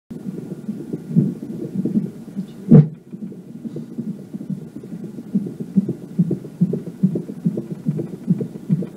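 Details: Fetal heartbeat on Doppler, rapid whooshing near 150 beats per minute, interrupted by one loud thump as the fetus kicks the probe: fetal heartbeat with fetal movement (kick).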